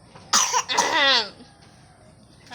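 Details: Infant boy with a cough: a sharp cough burst followed by a longer cough with a crying, voiced tail.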